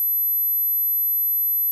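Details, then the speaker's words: Simulated tinnitus imitating the speaker's own constant 24/7 tinnitus in both ears, worse when tired, stressed or unwell: a steady, very high-pitched, faint whine or ringing. "It's in both ears and sounds a little bit like this."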